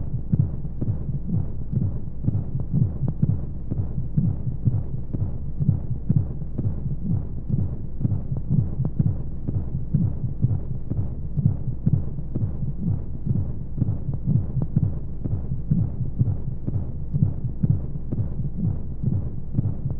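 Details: Womb-sound sleep aid for babies with white noise: steady muffled low heartbeat thumps at a regular rate over a constant whooshing hum of flowing sounds, a heartbeat as heard from inside the womb.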